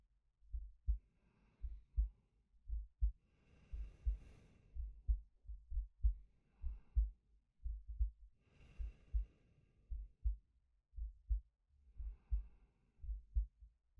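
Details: Male recording of his own heartbeat and breathing as a sleep aid: steady low thumps near 60 a minute with slow soft breaths, about four or five a minute; normal resting heartbeat.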